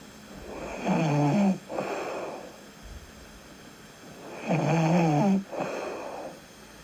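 Two loud, rattling snores on breathing in, each followed by a softer breath out, about 4 seconds apart: snoring during sleep.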